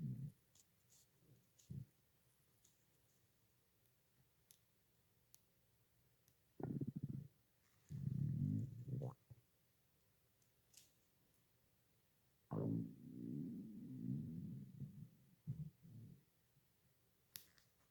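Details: Stomach growling (borborygmi): several low, bubbling rumbles with quiet gaps between them, from gas and fluid moving through the gut.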